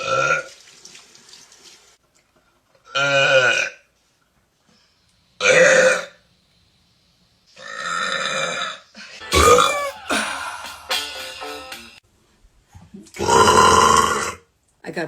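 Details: Several long, loud, deliberate voiced belches separated by pauses with a little talk and throat clearing between; burps reportedly used on Frank Zappa's 1988 tour.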